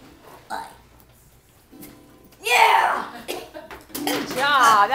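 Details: Two girls performing a staged burping ABC song: long, loud, voiced burps shaped like a sung performance over music and background chatter; voluntary burping.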